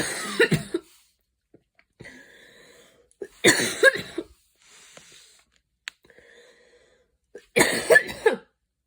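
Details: Adult having an asthmatic coughing fit with wheeze in a mild asthma attack after an evening run in cold air; wheezing afterwards escalated into the coughing fit.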